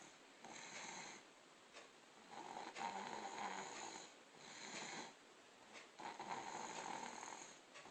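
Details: Rhythmic, rasping, slightly whistly snoring rising and falling with each breath in a quiet room, from a sleeping child.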